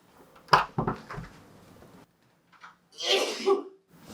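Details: Staged comedy sketch sneeze, which the character blames on probable allergies: a sharp, explosive burst of breath indoors, a short pause, then a second noisy expulsion.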